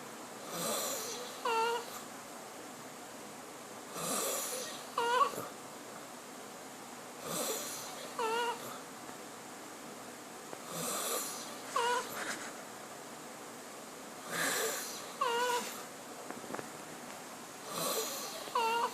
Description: Yeah i snore, I just didn't think it would sound like this. . .